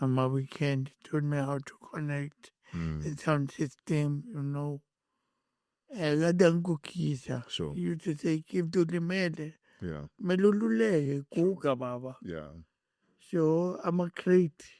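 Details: Adult male born with cerebral palsy, later with a head injury from a June 2000 car accident affecting speech, walking and left-ear hearing; dysarthric speech.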